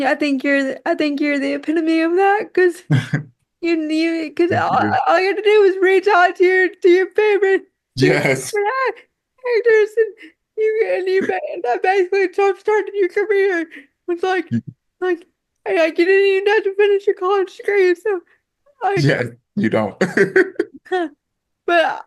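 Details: Woman with quadriplegic cerebral palsy affecting her whole body, including her speech; dysarthria (cerebral palsy).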